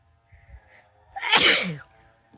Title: WIDE NOSE SNEEZES PHILIPPINES.